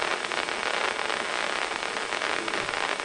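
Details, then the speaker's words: Microelectrode recording from a single isolated neuron during deep brain stimulation surgery: continuous dense crackling static, amplified electrical neural firing used for brain mapping. "can listen to the sounds of the brain so this is the uh the activity of a single neuron that's isolated and we can record these much better with patients awake with their eyes open than we can for instance if they're asleep and under general anesthesia"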